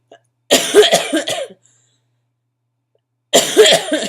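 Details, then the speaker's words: Acute bronchitis cough in a chronically ill adult with asthma complications: two bouts of harsh, somewhat wet coughing, a run of several coughs then a second burst. "As you can probably tell, because my eyes are like barely open, you can hear my voice, you can hear my coughs, and my body feels like it's been beat with a baseball bat, just by having taken everything I can that reduces pain."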